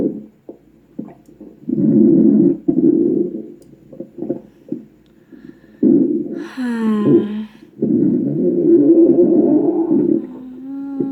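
Long, loud gurgling rumbles with a rising, squeaky glide partway through, typical of gut noises; ordinary stomach growling.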